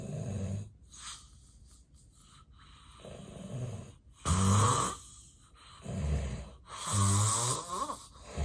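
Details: Real, unacted daytime nap of an adult with sleep apnea and excessive daytime sleepiness: loud, harsh, irregular snores in bursts with snorting and quieter breathing between, snoring in obstructive sleep apnea.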